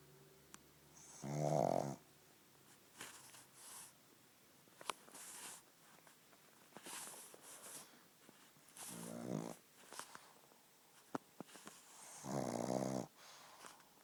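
A sleeping dog gives loud rattling snores at intervals, with soft snuffling breaths between them in a quiet room.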